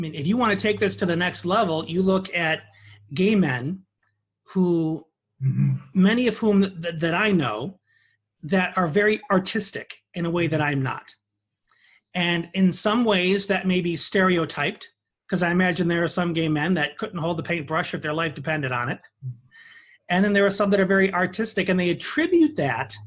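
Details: Adult speaker in interview; ordinary speech.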